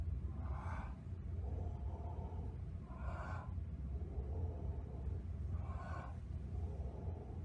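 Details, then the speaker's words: Voice imitation of the cavitary breath sound heard over a cavity, as in tuberculosis: three hollow, blowing expiratory sounds with a low resonant tail, a cavernous breath sound. "Ese es el soplo cavitario. Así se ausculta, es expiratorio."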